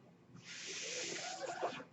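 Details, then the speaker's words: Mechanical ventilator noise in the background of a ventilator user's speech. "hello everyone my name is that noise you're hearing is my ventilator and welcome to page turners they were not my stars broadcasters"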